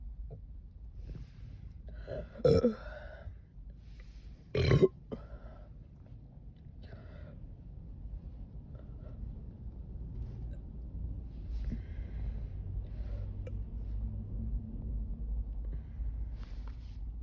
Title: Some burps after a quick chug